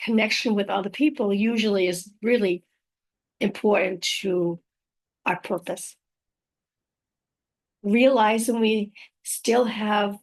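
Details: Aphasia after a stroke in a woman; spontaneous speech with repetitions; aphasia.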